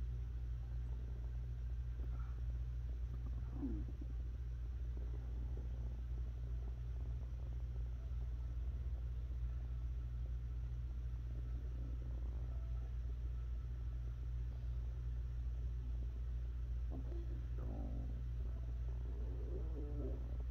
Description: Then sit back and listen to the wonderful sounds of the tummy rumbling and making its own music. Beautiful sounds of stomach noises. Tummy sounds, growls, gurgles, and grumbles.